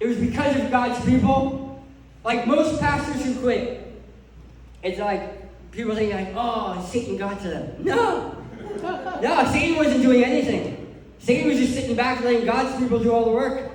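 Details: Adult male who lost 80% of his tongue to cancer, with a permanent speech impediment: articulation impairment after partial glossectomy.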